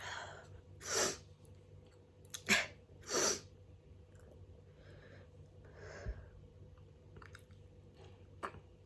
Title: Messy hayfever sneezes (& showing the mess)